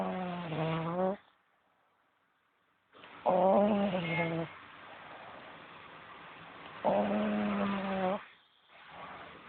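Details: 4-month-old infant snoring in the morning, recorded on a low-quality mobile phone: loud, voiced, rumbling breaths during sleep with pauses between them, about 17 a minute; snoring.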